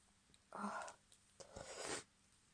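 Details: Two sneezes in quick succession from a female, each a sharp inhaled catch then an explosive burst of air, in a quiet room.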